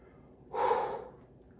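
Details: Gasping right after quickly chugging two 12 oz cans of Diet Dr Pepper: one sharp, breathy intake of air lasting about half a second.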